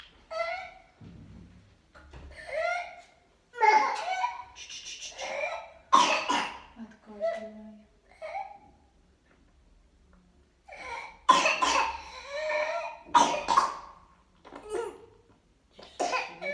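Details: Child with whooping cough (pertussis) and runny nose: repeated bouts of harsh paroxysmal coughing with noisy, strained breaths between bouts, while being calmed.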